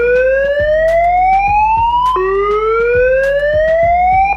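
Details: AED charging during CPR training: pads placed below the right collarbone and on the left side, bystanders told to stand clear; a loud rising whistle-like tone climbs, drops and climbs again, with faint clicking underneath.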